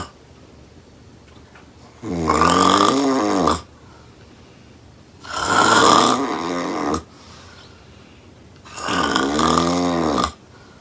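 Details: Woman snoring very loudly: rattling snores on each inhalation, about 18 a minute, with quiet breathing between; heavy snoring.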